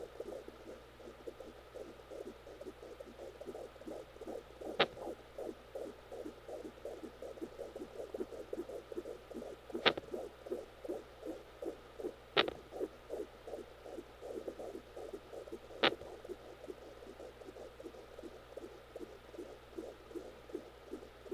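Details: Fetal hiccups recorded with a home Doppler during labor in a twin pregnancy (twin girls): rapid whooshing fetal heartbeat broken by four sharp, separate thumps from hiccups.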